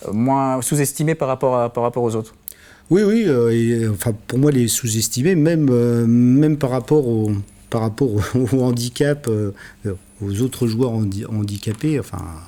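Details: Adult male speaker; normal speech.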